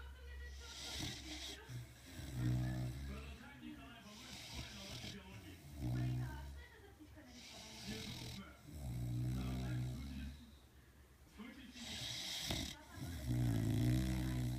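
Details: Cane Corso dog snoring in slow, rumbling cycles, roughly four loud snores with quieter breathing between.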